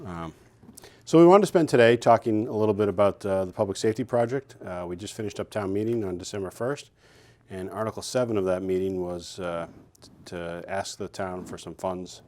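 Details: Adult male speaker; Normal voice.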